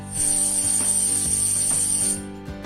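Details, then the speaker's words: Tinnitus simulation: steady high whistling tone with a low buzzing hum, illustrating tinnitus heard as buzzing or whistling. "and it can also sound like buzzing or whistling like this"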